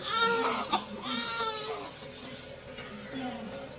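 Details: Newborn crying for the first time after birth, with vernix (fetal fat) still on his face: a few short, thin, wavering cries fading toward the end over faint room noise.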